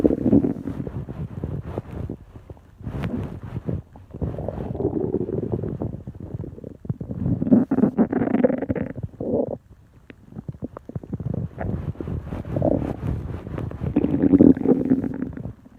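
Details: Man's stomach noises: low gurgling and rumbling bursts with irregular clicks, typical of active stomach and bowel sounds; borborygmi.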